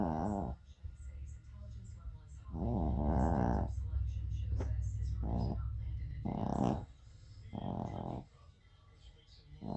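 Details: Rattling, grunting snores from a small Shorkie dog snuggling on a rainy day, several short bursts over ten seconds with rain or room noise behind; snoring.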